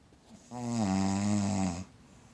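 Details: Snoring while held asleep in someone's arms: a single drawn-out, droning, tonal breath sound lasting just over a second. A snore.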